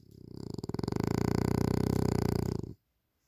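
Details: Frenasia snoring loudly during sleep: one loud, rapidly fluttering, rattling snore lasting under three seconds, a vibrating snore.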